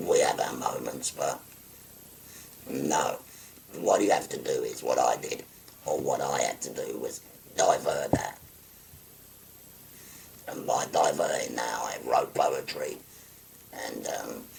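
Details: Tracheoesophageal speech in a 57-year-old man after total laryngectomy for stage four laryngeal cancer, using a voice prosthesis with button occlusion of the neck stoma.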